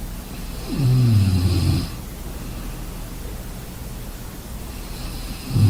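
Deep, loud fluttering snores about four seconds apart, with quiet breathing between over steady background hiss; snoring during sleep.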